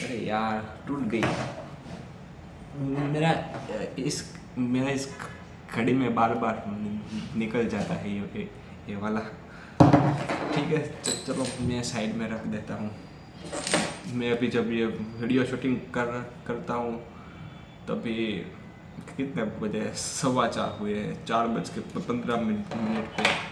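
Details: Adult man who stammers, speaking Hindi on day 7 of a daily fluency practice routine with breathing exercises; he stammered earlier that day on the phone; stuttering.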